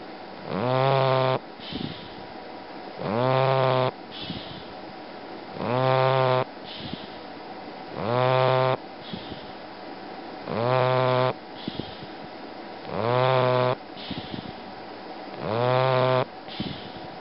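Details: Snoring in a sleeping bulldog: regular loud, buzzing snores with each breath in, about 24 per minute, with softer breaths out between them.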